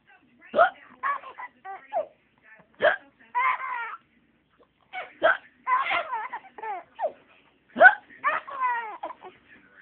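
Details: 6-month-old baby laughing hysterically while having hiccups: short, abrupt catches recur every second or two between bursts of laughter and squeals.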